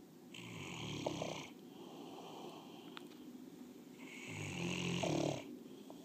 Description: Bullmastiff snoring.